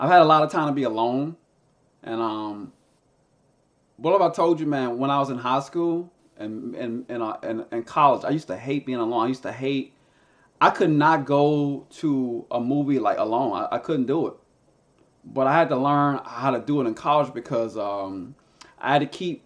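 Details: Man who stutters and uses a SpeechEasy device, a Bluetooth earpiece with a phone app that plays his own voice back; stuttering.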